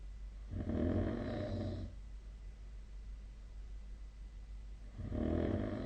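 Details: Snoring during sleep recorded with the SnoreLab app on 2025/02/03: low, rumbling snores with quiet gaps, about four seconds apart.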